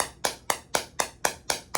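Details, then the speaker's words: Electrohydraulic shockwave therapy on the front of the left knee joint near the patella, for chronic ACL deficiency from a 2001 soccer injury; sharp, evenly spaced snapping clicks, about four per second; shockwave device firing. "You can see the little flash. That's the electrohydraulic charge. This is kind of like submarine charges, depth charges."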